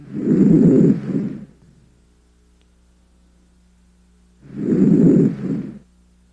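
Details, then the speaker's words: Normal breath sounds heard with a stethoscope diaphragm on the posterior chest while the patient breathes deeply through the mouth: two soft, rushing breaths during a thorax and lung exam. "the duration pitch and intensity of the inspiratory and expiratory sounds decide what type of breath sounds you're hearing and note any added sounds during oscilation"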